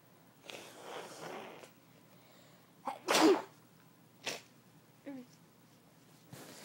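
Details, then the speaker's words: Adult self-induced sneezing, switching to the left nostril: breathy intake and build-up followed by one sharp, forceful sneeze, then a few quieter breaths and small vocal sounds; a single ordinary sneeze. "No. Hold on. I don't want you guys to have to listen through all of this without one last sneeze."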